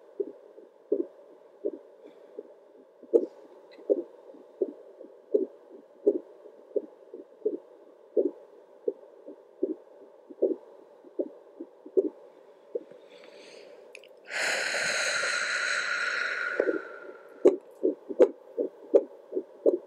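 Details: Adult's own heartbeat on a home Doppler with the speaker facing up, recorded at 1:13 am: steady whooshing pulses near 78–80 beats a minute, louder with each big deep breath, brief static burst.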